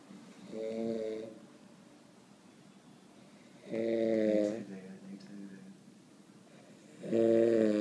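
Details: Snoring in a sleeping person: three loud, droning, tonal snores about every three seconds with quiet pauses between, ordinary snoring.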